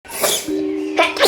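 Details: Toddler sneezes while carrying breakfast to the table: a single sharp, breathy sneeze, then a steady held tone and an adult saying "bless you".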